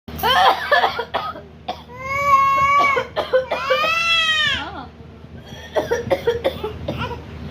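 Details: Several short, harsh adult coughs, then a 9-month-old infant's tonal, wavering crying, then more rough cough bursts; the infant became upset at the coughing; plain cough.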